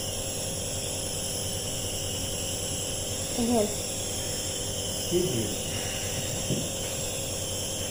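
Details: Nebuliser compressor running with steady mechanical hiss and hum, used during a severe cough, patient told to breathe normally and inhale the fumes; faint voices.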